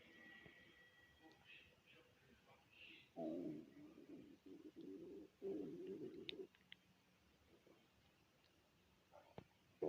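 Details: Low gurgling, rumbling bursts over a few seconds in quiet room noise: hunger stomach growling (borborygmi) after a twelve-hour shift with no food since the previous day's dinner.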